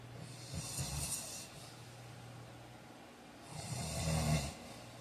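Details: Snoring: two low, rattling snores on the in-breath, roughly three seconds apart, over a steady background hum.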